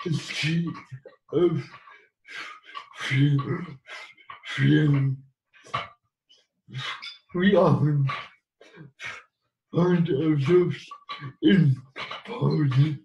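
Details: Adult man living with cerebral palsy; dysarthric speech (cerebral palsy).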